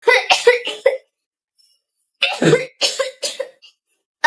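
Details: Two bursts of four harsh coughs each, acted by a passenger on a plane in a comedy skit; simulated cough.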